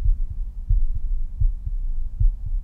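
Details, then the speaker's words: Own normal heart sounds recorded with a Stemoscope Bluetooth stethoscope chestpiece at the pulmonary valve area by a second-year medical student: steady paired low first and second sounds at about 80 beats a minute. "so just in the interest of time I'm going to come up to my pulmonary valve there we go that one's a bit more difficult here but it is there"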